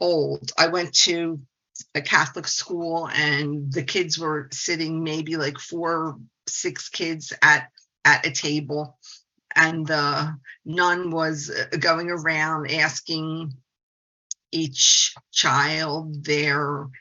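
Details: Stuttering since age 2 in a 68-year-old woman who is a speech-language pathologist.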